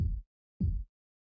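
Two soft, low thumps about half a second apart: simulated Korotkoff sounds heard as the blood pressure cuff deflates.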